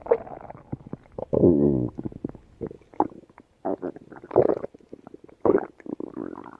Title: Yellow Labrador Dog Gut Sound Effects